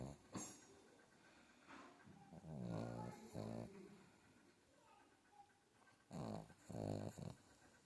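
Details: Pug puppy snoring.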